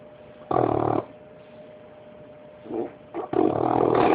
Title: Bullet the Bulldog snoring at 5 months old.